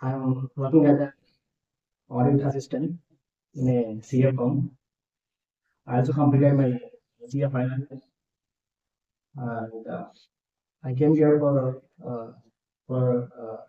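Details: Adult male chartered accountant who has stammered since childhood, worse in unfamiliar situations; recorded around stammering therapy begun in 2019, apparently before training. Finding: stammering.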